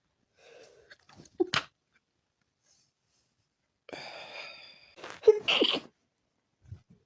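Sharp explosive sneezes, one preceded by a drawn-in breath, with snorting in a quiet room; a bout of repeated sneezing.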